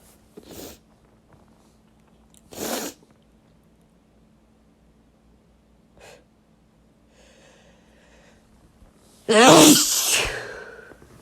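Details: Male wet sneezes: a few short breathy bursts, then one loud wet sneeze near the end in a quiet room.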